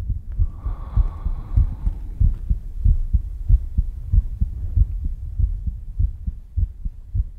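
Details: ASMR heartbeat sounds panned left, center and right: soft, steady, regular low thumps of a heartbeat, with a faint hum in the first two seconds.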